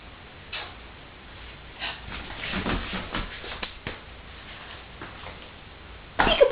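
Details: A baby coughs during a peek-a-boo game while an adult makes playful noises.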